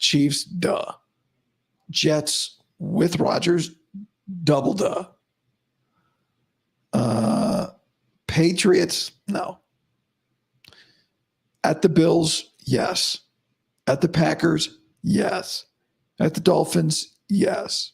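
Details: Adult male host about five to five and a half weeks after vocal fold surgery, voice improving daily but likely unchanged from yesterday after heavy voice use and no sleep; dysphonia after vocal fold surgery.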